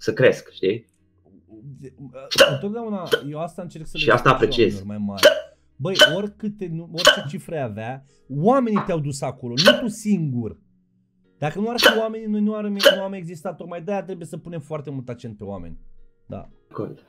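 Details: Adult male speaker; normal speech.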